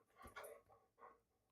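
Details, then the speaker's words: A dog's loud, noisy breathing with snorting, panting-like bursts in a quiet indoor room while she seeks attention. "Sorry, Magnolia is giving me a hard time right now. I don't know if you can hear her breathing. It's so loud."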